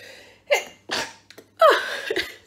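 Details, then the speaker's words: Adult's loud, forceful voiced sneeze preceded by quick indrawn breaths, in a small room; the sneezer calls herself not a very delicate sneezer. "Oh, that sounded good, didn't it? I'm not a very delicate sneezer. Very sorry about that."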